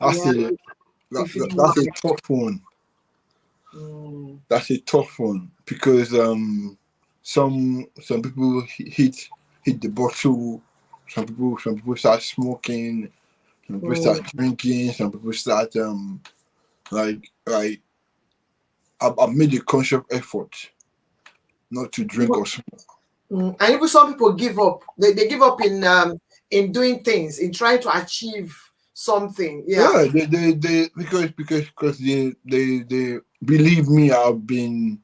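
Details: Dysarthria in an adult man born with cerebral palsy affecting movement and speech, attributed to a high bilirubin level at birth.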